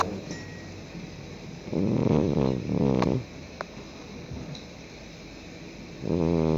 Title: Cat Snoring Loud